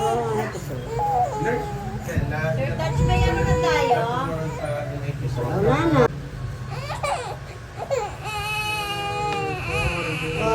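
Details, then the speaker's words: Infant crying loudly in repeated bursts with brief whimpers during injection vaccines (tetanus, hepatitis B, pneumonia, meningitis) at the second vaccination visit, after oral polio vaccine; adult voices and room noise around. "Ipaparinig ko nga rin sa inyo kung paano yung iyak niya. Parang nakakaramdam na nga siya dyan, natutusukin siya."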